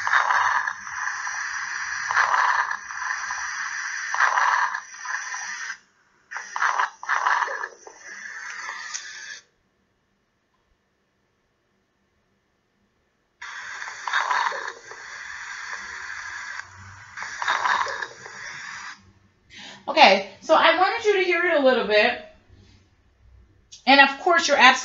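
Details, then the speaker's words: Recorded lung sounds from a respiratory lecture, with repeated bursts of fine, bubbly popping over each breath, typical of crackles; brief tonal sounds follow at the end. "right those are crackles that's exactly what it is and i am hoping that with uh with your wonderful assessment skills that you have you are pretty familiar with crackles when you hear them"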